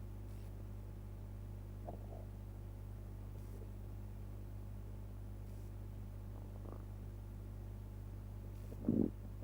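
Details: Brief soft gurgles come and go after eating pizza, then a louder rumbling gurgle near the end, over a steady low hum; ordinary bowel sounds (borborygmi).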